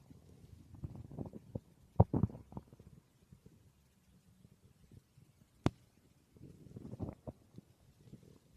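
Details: Quiet low gurgles and rumbling bursts coming and going, with a sharp pop; ordinary stomach growling (borborygmi) from a person's own stomach, with some background noise.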